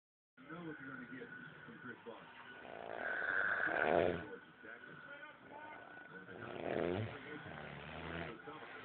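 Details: Adult man snoring, rough rumbling breathing swelling into two louder snores over a television basketball game in the background.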